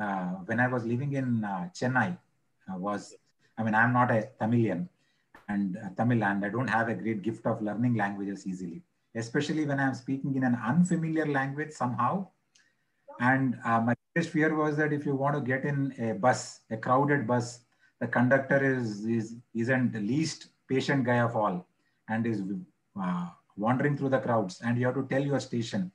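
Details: Stuttering in an adult man who stammers; he reports blocking on words, stuttering under pressure when presenting, difficulty with words starting with M or N, and says he is not fully recovered.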